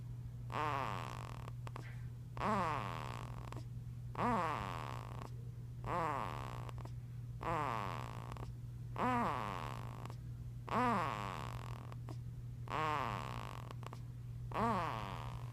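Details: A two-week-old baby boy makes a pitched, snore-like noise with each breath, about 34 breaths a minute: infant snoring or noisy breathing.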